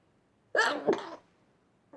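A single sharp sneeze with a quick inhaled catch, then a forceful burst of air; allergic sneezing.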